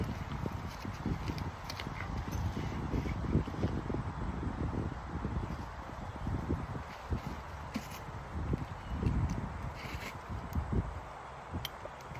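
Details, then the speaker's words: Horse, stethoscope on one lower abdominal quadrant of four checked: low, irregular rumbling and gurgling, judged quite normal. Normal gut sounds (borborygmi). "so there's another sound um that one sweetie that one is definitely a gurgling sound which is quite normal"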